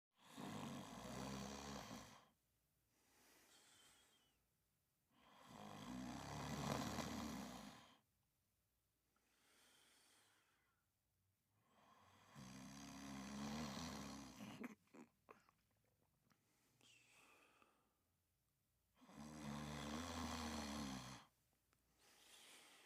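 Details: A sleeping dog, Jack, snores loudly on each breath in, with quieter breaths out, about nine cycles a minute, while dreaming.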